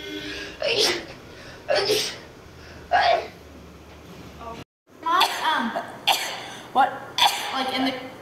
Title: girls sneezing rapidly. #14.|| rapid sneeze.